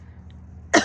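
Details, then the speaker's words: Single short, harsh chesty cough after near-silence from a person with chest congestion while out walking in the morning. "Yeah, I know y'all can hear me every time I cough. You could hear the congestion, so."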